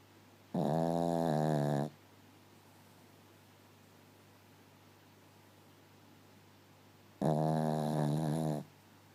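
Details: A puppy fast asleep, snoring.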